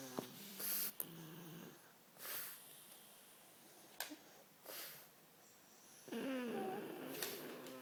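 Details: Pug, sleeping small dog; soft, rhythmic snorting breaths each under a second in a quiet room: ordinary snoring.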